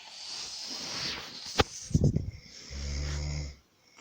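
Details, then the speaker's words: Sleeping adult snoring loudly, woken by a partner who says they are snoring a lot, like a pig: a loud, low rattling snore on a breath, with a brief snort before it, against faint room noise. "Amor, acorda, você tá roncando. Tá, tô dormindo. Mas você tá roncando muito, você tá parecendo um porco."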